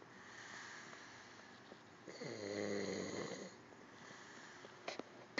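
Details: Calm snoring: a single low, rattling snore lasting about a second and a half, heard against quiet room noise.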